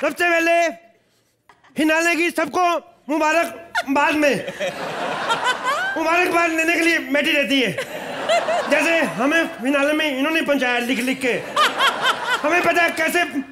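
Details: Acted, not real: a male comedian playing a comic stammering character in Hindi who swaps sounds, such as initial consonants; acted speech impediment with sound substitution.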